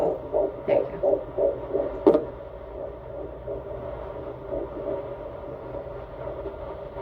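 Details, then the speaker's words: Fetal heartbeat on Doppler at the 12-week first-trimester appointment, first time heard: fast rhythmic whooshing pulses about 170 a minute, partly lost among movement noise. "we did a doppler so i gotta hear my baby's heartbeat for the very first time"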